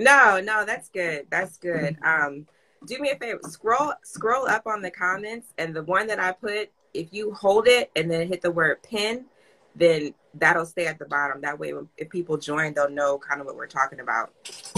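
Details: Adult speaker; ordinary speech.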